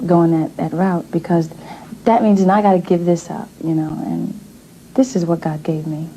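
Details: Adult woman speaking; normal speech.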